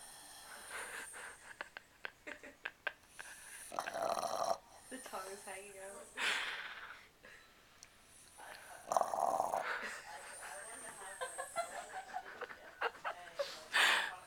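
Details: Tired, sleeping Bully dog snoring: rough, noisy snorts at irregular intervals with some snuffling breaths in a quiet room.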